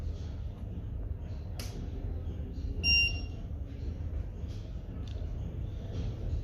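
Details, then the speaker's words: A single short electronic beep over low room rumble as a 1 and 3 MHz physiotherapy ultrasound therapy machine is switched on at the start of a demo. "let's start the demo now switch on the machine"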